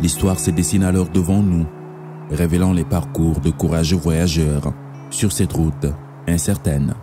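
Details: Adult male narrator; Normal fluent speech.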